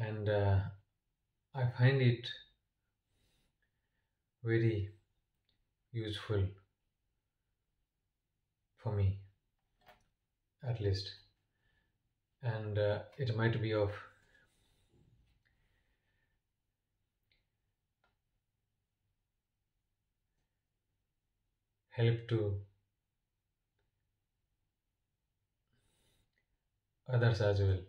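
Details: Adult man who stammers, with long pauses and blocks between words that he attributes to not exhaling on time and to his lips or tongue sticking; stuttering.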